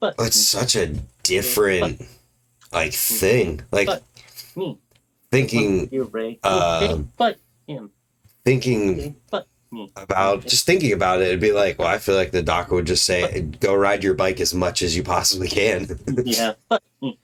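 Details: Adult man speaking; typical speech.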